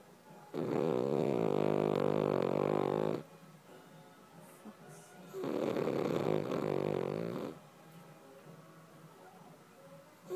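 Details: Sleeping dog Charlie gives two long, loud, rattling snores a few seconds apart with quiet breathing between; snoring.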